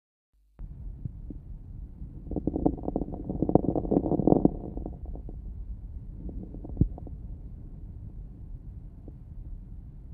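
A slow, deep breath in carries many brief, fine crackles that crowd together toward its end, then a quieter breath out: late inspiratory fine crackles.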